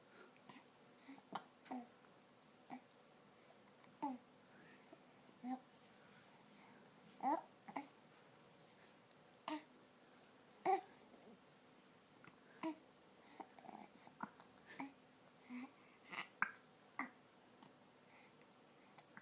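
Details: Infant smiling while hiccuping: about a dozen brief, sharp catches of breath at irregular intervals with quiet room noise; hiccups.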